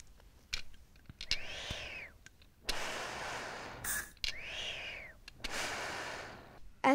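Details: Simulated asthma attack in a child, shown as a first-aid demonstration: slow, audible breaths through an inhaler spacer with soft clicks while someone coaches her to breathe slowly.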